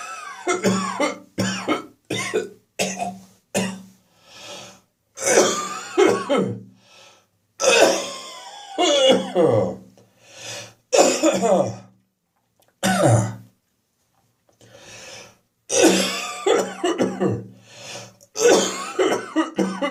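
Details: Winter morning catarrh cough in an adult: repeated loud, wet coughs and harsh throat clearing from chest and throat; productive cough with throat clearing.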